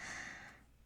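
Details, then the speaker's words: A very old dog snoring while asleep: a single brief, breathy snort with a faint whistling edge, fading out. "I'm sorry if you can hear my dog snoring. He is so ancient and I just do not have the heart to kick him out when he's asleep."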